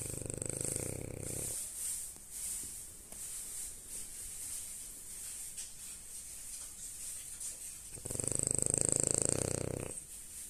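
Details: French bulldog snoring in sleep: two low, fluttering snores with quieter breathing and background noise between them.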